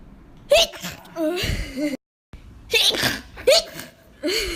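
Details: Sneeze compilation: two sharp sneezes, each with a voiced onset and burst of air, separated by a short cut.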